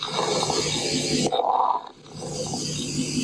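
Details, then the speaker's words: Coarse crackles, loud low-pitched bubbling and rattling through the breath sounds, likened to jiggling stones in a box; causes listed include pneumonia, bronchiectasis, COPD and pulmonary edema. "Louder low pitched bubbling sound common causes क्या है इसके pneumonia ब्रोंकियासिस COPD pulmonary oedema ठीक है तो ये इसके कुछ common causes हैं और ये कुछ ऐसा सुनाई देता है"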